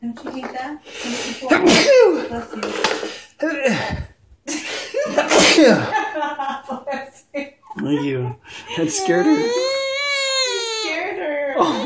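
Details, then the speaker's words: A parent's loud sneeze amid room talk startles their young daughter, who breaks into crying; an ordinary sneeze. "sorry I'm sorry I just sneezed"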